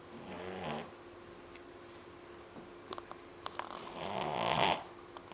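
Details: Spark, a 3-month-old puppy, snoring after a long day playing at the beach: two soft, wheezy snoring breaths with faint clicks and a steady room hum.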